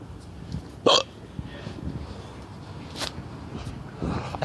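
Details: Two abrupt, sharp involuntary gasping clicks about two seconds apart over a low background rumble; hiccups in West Philadelphia.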